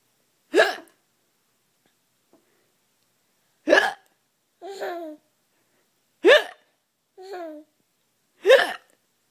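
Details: Fake, imitated hiccups with a child laughing at them: four abrupt, sharp hiccups a few seconds apart, with brief giggling between them.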